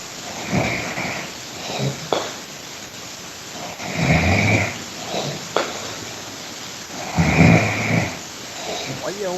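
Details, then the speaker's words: Person snoring while asleep at 4 a.m.: rough, rumbling snores roughly every three seconds with clicks and noise between, likened to a pig. "roncando coisa boa né ó parece um porco"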